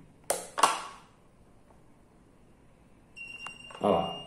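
A short, clear electronic beep from a temporary external pacemaker on switching on, between brief bursts of handling noise and speech.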